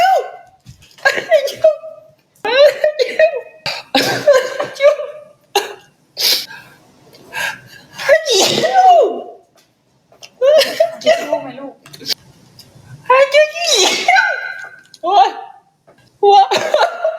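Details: Young man with allergies sneezing on a livestream: a rapid run of sharp, explosive sneezes in close succession, with brief breaths and laughter between them; repeated sneezing.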